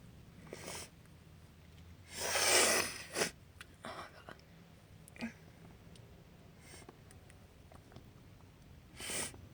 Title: Terrible sneezing fit and big sniffles (F)